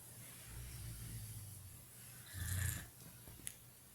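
Low rumbling breaths with one louder snorting snore, faint room noise behind. Snoring.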